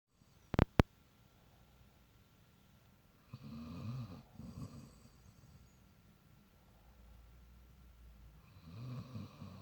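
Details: Snoring in a quiet room: two sharp knocks, then low rumbling snores.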